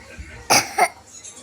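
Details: Two short, harsh coughs in quick succession from a young child drinking milk, with quiet room noise around them; milk-induced coughing episode.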